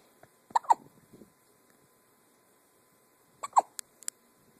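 Two pairs of short, sharp hiccup sounds, each a quick catch of breath in the throat.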